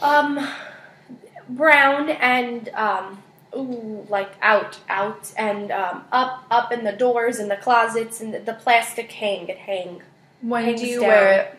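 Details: Wernicke's (fluent) aphasia in a patient naming picture cards of everyday objects in a therapy session, with fluent but empty, paraphasic speech and circumlocution.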